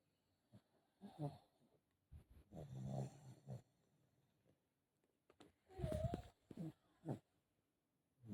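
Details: Foster pug with brachycephalic obstructive airway syndrome, first of recordings before and after BOAS surgery: irregular loud snorting snores with rattling, effortful upper-airway breathing.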